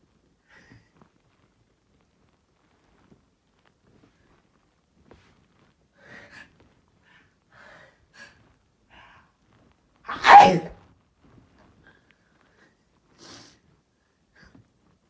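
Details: A single sudden, sharp sneeze from a cat breaks an otherwise quiet stretch with faint small sounds; sneezing.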